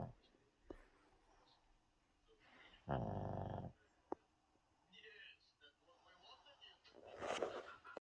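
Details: A sleeping puppy gives a very loud, rattling snore, with a second noisy breath near the end: snoring.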